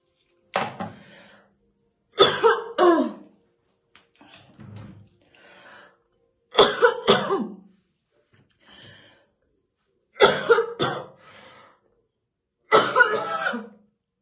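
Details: Woman's real, unacted heavy smoker's morning cough while slowly brushing her hair: five bouts of harsh, deep coughing, each two or three bursts with a throaty tail, in a small room; smoker's cough.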